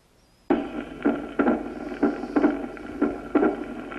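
Harsh, scratchy, leathery sounds in paired bursts with each heartbeat, about 60 a minute: a pericardial friction rub.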